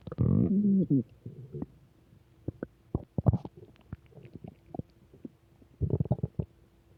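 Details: Low gurgling growl followed by scattered bubbling pops and clicks: ordinary stomach rumbling, borborygmi.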